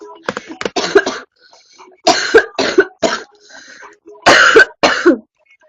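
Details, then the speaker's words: Coughing fit from a young woman who says her cough is getting worse: repeated harsh coughs in short bursts, with brief throat clearing between them. "Why is my cough getting worse? What the fuck?"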